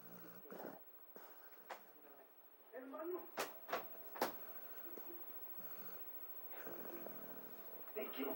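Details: Sleeping dog snoring so its lips flap: soft snoring breaths with fluttering, flapping puffs and a few sharp lip clicks; snoring.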